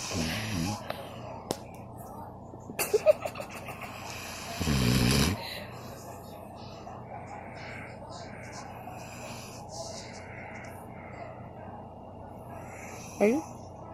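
Loud, rough snorting breaths during sleep with a few sharp noises around them; ordinary snoring.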